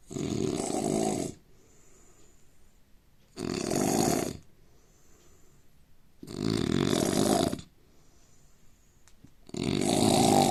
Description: Indian man snoring sound asmr sound problem etc